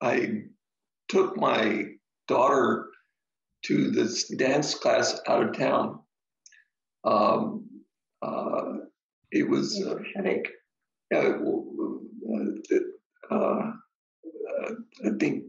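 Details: Adult man, stroke survivor: ischemic stroke treated with TPA, which then caused a hemorrhagic stroke; struggles to get through a sentence; aphasia with brain fog.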